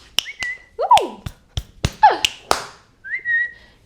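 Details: Sudden short whistles, some sliding down in pitch, among sharp clicks and taps, during speech from a woman with Tourette syndrome and functional neurological disorder; whistling vocal tic.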